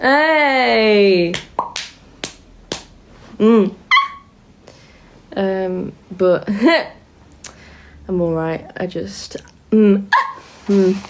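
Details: Person with Tourette syndrome who makes tic noises while awake, during a live stream; vocal tics (Tourette syndrome).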